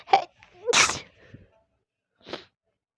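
A short inhaled catch, then a loud explosive sneeze, followed by a softer second burst after a pause. These are sneezes.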